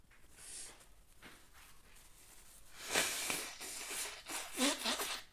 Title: messy sneezes and nose blowing #sneeze #sneezing